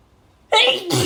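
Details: Silence, then a sudden loud, harsh burst with a second explosive release: an adult woman's dust-triggered sneeze.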